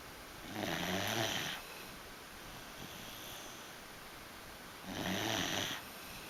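Two loud, rough breaths about four seconds apart with quiet breathing between them: snoring in a sleeping dog.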